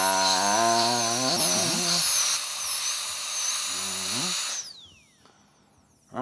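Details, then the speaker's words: Licensed dentist drilling his own numbed tooth, with limited visibility, to prepare it for a crown (cracked tooth later found to need a root canal); high-pitched dental drill whine rising and falling as it cuts, then winding down. "this is a part where I can't see anything I'm kind of just drilling how I feel"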